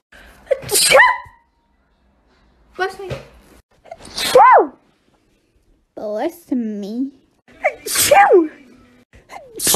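Several separate sneezes, each a sharp explosive burst with a short drawn-in breath before it; ordinary sneezing.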